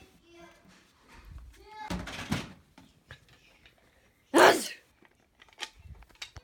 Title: Sneezing prank